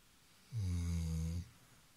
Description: In this video you can see how Labrador retriever snoring at night.